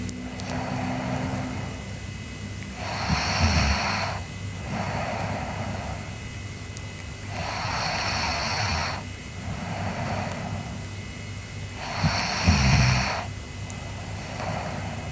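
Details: Sleeping girl snoring: regular snoring, about 4 breaths a minute, low rattling inhales and softer exhales over steady room hum.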